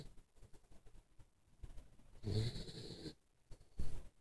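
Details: Soft, low snuffling breaths with one rougher, buzzing snore: light snoring.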